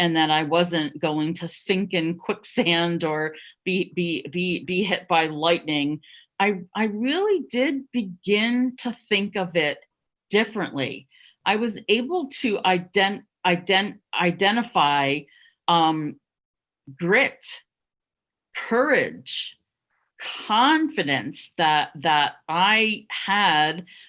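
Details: Stuttering in an adult who stuttered covertly for over 30 years, with repetitions of words and syllables; stuttering.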